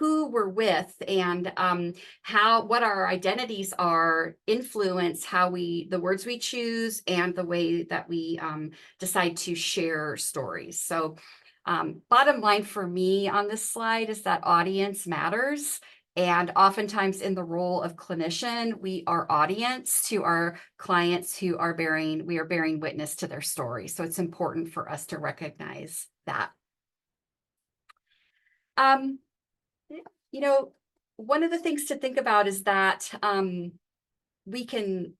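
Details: Adult woman speaking; normal speech.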